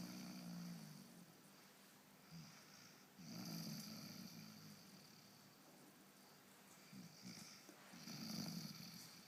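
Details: Spud snoring with eyes open: soft, low rattling snores in repeated bursts over steady room hiss; ordinary snoring.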